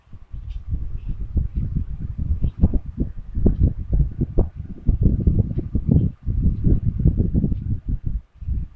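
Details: Loud, rough, rattling low sounds in long runs with brief pauses; heavy snoring.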